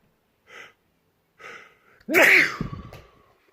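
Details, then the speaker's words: Person sneezing loudly toward the recording phone: two quick in-breaths, then one loud explosive sneeze with a voiced tail; a single forceful sneeze. "I sneezed the phone and now the phone cannot off the recording."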